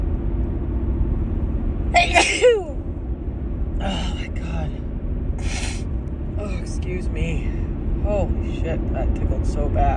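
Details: Repeated sneezing in a woman with a cold or allergies; a sharp voiced sneeze followed by several smaller sneezy bursts over steady vehicle rumble.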